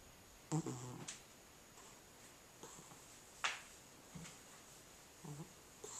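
Soft, rhythmic snorting snores from a sleeping cat, about twenty a minute, against steady room hiss.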